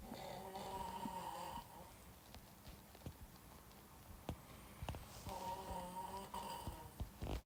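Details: Snoring of an adult man, recorded by a friend; snoring.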